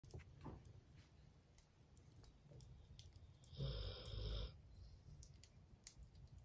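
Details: Cane Corso dog snoring while napping by the fire: one loud, rough, rumbling snore on a single breath, quieter breathing and fire crackling around it; snoring.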